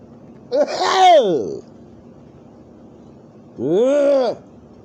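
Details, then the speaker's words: Loud, drawn-out voiced "dad sneeze" bursts attributed to summer allergies, two theatrical sneeze-like sounds, probably imitated rather than real. "seeing as it's summer my allergies are kind of acting up it's just allergies it's not anything bad but the dad's sneeze kind of sounds like"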